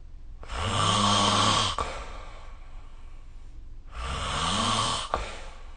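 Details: Two long, loud, rattling inhaled snores with quiet breathing between them, recorded with the SnoreLab smartphone app.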